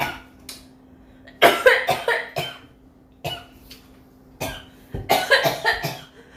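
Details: Korean girl coughing a lot: about a dozen sharp coughs, single and in quick runs, over a faint steady hum.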